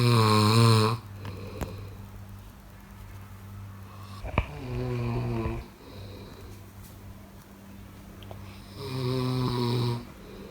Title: Snoring sound ll good sleep